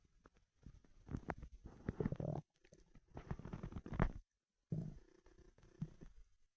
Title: Starving 24 hour stomach rumbling